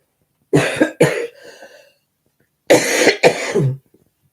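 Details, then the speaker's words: Adult with a bad cold, cough and chest infection: two pairs of harsh, forceful coughs with a short wheezy outbreath between. "Who knows? And I'm going to cough again."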